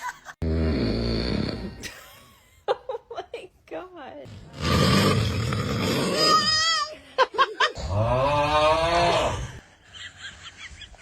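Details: An adult man (dad) snoring with loud, rough snorts while sleeping, with his newborn baby fussing and crying in between.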